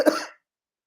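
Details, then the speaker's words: Adult recovering from a sinus infection, with a changed voice: a single short cough with a sharp onset and a quickly fading tail. "All right, y'all. Sorry about that. Y'all know I'm still trying to come over this sinus infection."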